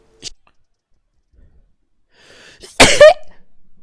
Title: Sneezing Nivikon compilation